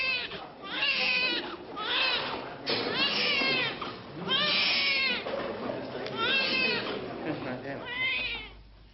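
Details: First cry of a newborn girl delivered by caesarean section, the first IVF baby, in 1978 archive news footage: repeated high-pitched wailing cries in short bursts shortly after birth, a normal vigorous cry.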